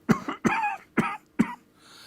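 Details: Four short, sharp coughs in quick succession, imitated as an example of a lung-disease symptom; cough.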